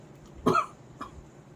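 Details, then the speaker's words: Demonstration of a single isolated cough, the kind occurring just once in a child: one short, abrupt cough burst followed by a faint small after-sound, no bout. "इस तरह की जो single malt खांसी होती है उसके लिए हमारे यहां होम्योपैथ में इस एक दवा सिंगल मिडफील्डर करिएगा कैल्केरिया कार्ब से सिंगल बेड की खांसी बिल्कुल समाप्त हो जाती है"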